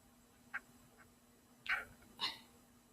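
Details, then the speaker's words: Person with hiccups while recording: short, abrupt gulping sounds, three in under two seconds, over quiet room noise; hiccups. "shoot i have hiccups i hate hiccups i just want to record a video in have to have hiccups"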